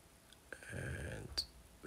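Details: Short slurping suction noise with a thin high whistle as the fine suction tip, used through a 3.5 mm WAXscope speculum, clears residual wax from the floor of a stenotic, extremely narrow ear canal.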